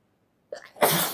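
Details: A short in-breath, then a sudden loud burst of air and voice that fades quickly; a single sneeze from a sneezing compilation.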